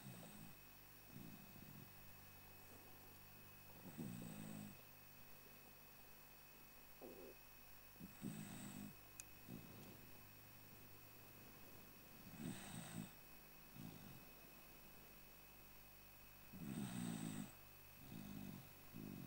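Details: Rescue older dog ("golden oldie") snoring while asleep: soft, rattling snores about every four seconds, each with a faint whistling note, over steady room hum.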